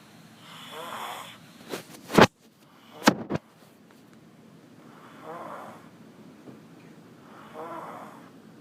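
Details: Loud snoring: rough, fluttering breathing sounds recur every few seconds, broken by a couple of sharp bumps or knocks.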